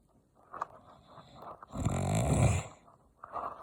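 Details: One loud, rough, rumbling snore on an in-breath between quieter breaths; dad snoring.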